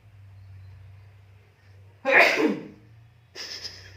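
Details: A baby's single sharp, explosive sneeze after a quiet stretch, followed by a brief softer sound; sneeze.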